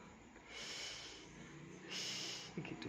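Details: Young child pretending to go to sleep and imitating snoring, a habit from hearing the mother snore: two short snorting breaths of imitated snoring, then a brief giggle-like sound.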